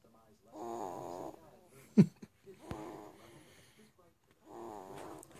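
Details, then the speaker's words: A young son snoring heavily during sleep: rhythmic, rough, vibrating breaths with pauses between them. "snoring. I can only imagine how he's gonna be when he gets older."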